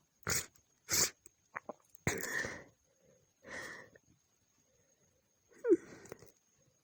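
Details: Female sneezing at night after her nose was tickling, from several stitched recordings with poor audio: several wet, explosive sneeze bursts with quick inhalations between them over faint hiss; repeated sneezing.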